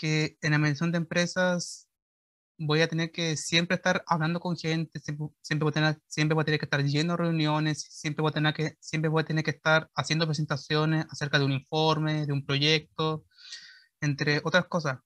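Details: 21-year-old Chilean man who stutters, speaking Spanish in a real talk after a one-year speech therapy process for his stuttering; stuttering.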